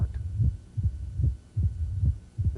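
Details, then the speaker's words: Mitral stenosis diastolic rumble, stethoscope bell at the apex: low-frequency rumble between beats with a presystolic component and a somewhat loud first heart sound, about 75 a minute; brief talking at end. "so we got low frequency we were heard with a bell at the apex pre systolic component Oh first heart sounds usually a little loud"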